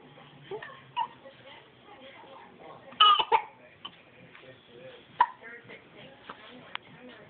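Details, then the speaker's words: Young child with hiccups, possibly tired, recorded by the mother: three or four short, sharp hiccups over seven seconds with soft vocal sounds and quiet room noise. "what happened tell mama what happened how' you get the hiccups you don't know you don't know how you got the hiccups"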